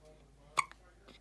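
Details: Newborn baby girl, one day to one week old, hiccuping: a single sharp, squeaky hiccup.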